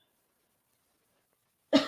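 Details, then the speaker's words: Adult who is still sick, recording a live stream at a laptop microphone and trying not to cough into it: after silence, a single short cough at the end of the clip. "I'm trying not to cough right into the microphone"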